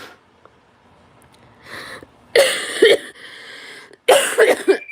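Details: Two loud, harsh cough bursts after a short laugh, with a rattle suggesting mucus, from an adult sick for about a week and a half.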